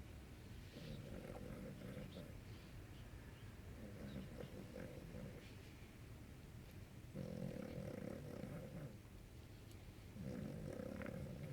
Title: Roncando